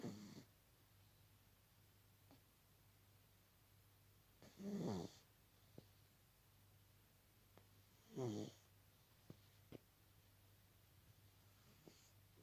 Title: Snoring...